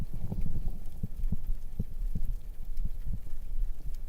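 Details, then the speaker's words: Heartbeat in an ASMR recording, heard as dull low thumps from a microphone ear pressed against the chest, with rumbling handling noise. "When I put the ear against my chest, see if you can hear my heartbeat. Can you hear it yet?"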